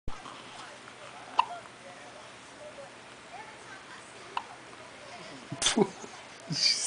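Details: Hiccups: brief, sharp hiccup sounds about every three seconds over steady room noise, then a louder vocal sound at the end.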